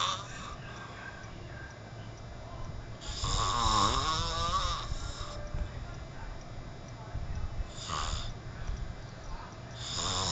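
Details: Roommate snoring while asleep at 12:00 pm: loud, rough snoring on inhalation, roughly four snores in ten seconds, over steady room hum; snoring.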